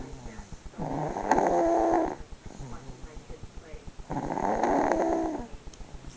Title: roo snoring 3-18-08